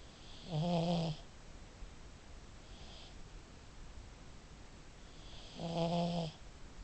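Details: A pet pug that snores really loud gives two low, buzzing snores about five seconds apart with a faint whistle between them; snoring in a small flat-faced dog.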